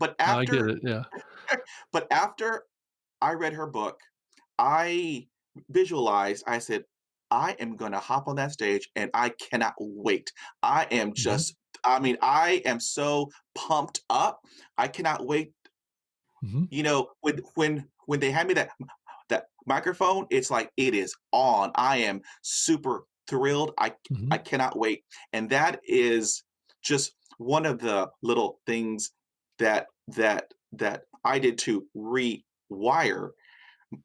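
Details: Man with persistent stutter acquired at age five after a dog attack, initially severe; a broken word is heard; stuttering.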